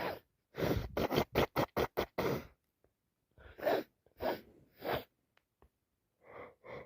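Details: Sneezing fit, possibly from allergies or a cold (uncertain): a rapid run of about eight short explosive sneezes, then several more spaced sneezes with breaths between; repeated sneezing.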